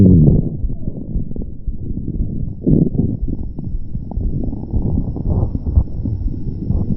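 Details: Continuous low, soft gurgling and rumbling with brief pops; ordinary soft stomach growling.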